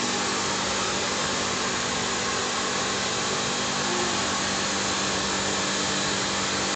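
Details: Reverse osmosis water treatment system built to the AAMI standard for hemodialysis, running: a loud continuous rushing hum with a steady low tone.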